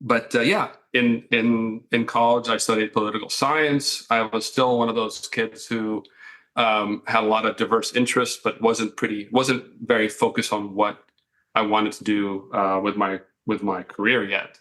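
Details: Adult man with mild residual stuttering that began in childhood and largely improved over time, helped by working as a college radio news reporter; he and the host say it can still be heard a little.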